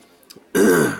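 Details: Throat clearing.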